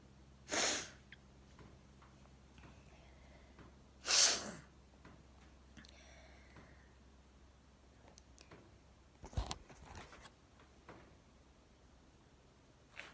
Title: sneeze from allergies